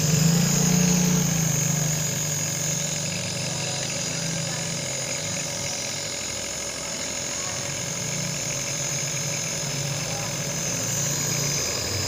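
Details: Steady, loud mechanical buzzing hum of a nebulizer compressor running throughout an inhalation treatment for a baby with cough and cold; nebulizer compressor running.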